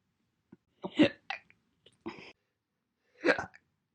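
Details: Single hiccups recorded from January 1 to April 30, 2021: several short, abrupt voiced catches with quiet gaps between them, typical of single hiccups.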